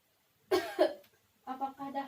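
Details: Nursing-student demonstration of a deep breathing and effective cough exercise on an acted patient: two forceful cough bursts, then a brief spoken question; effective cough exercise.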